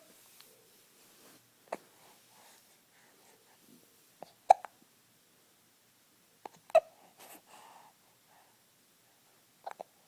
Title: Hiccups while sleeping